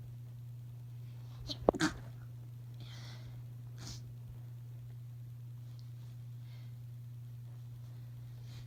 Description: I made dinner this evening, and I guess some of the pepper got to me, which resulted in this short, teasing fit 😉